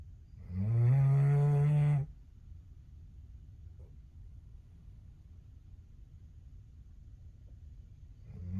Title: #short #Doberman pinscher snores #shorts